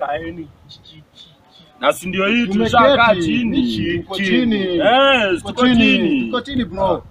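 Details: Acted stammer in a comedy skit, with syllable repetitions that leave friends unable to understand him; finding: stuttering (acted).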